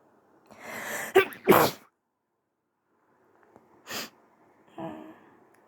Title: A few false starts, some soft sneezes, and a little nose blow at the end. 🥰